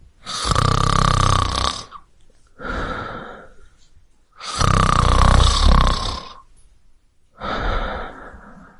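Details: Two loud, rattling, low-pitched snores from a man on the in-breath, each followed by a softer out-breath, about 14 breaths a minute; sound-effect recording.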